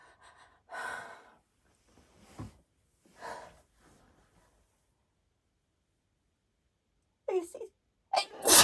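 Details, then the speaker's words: Allergic sneezing from an adult reacting to Valentine's Day flowers. "you can tell these are allergy sneezes because when I sneeze I sound"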